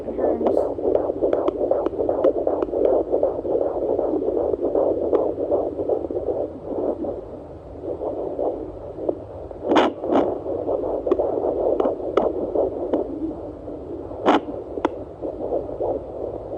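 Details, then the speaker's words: 22 weeks pregnant, home fetal Doppler on the left side of the belly: fast, galloping whoosh-thump rhythm about 155 a minute with static, mixed with the mother's heartbeat as the baby moves; fetal heartbeat. "she keeps moving it kind of sounds like a horse galloping a mixture of my heartbeat"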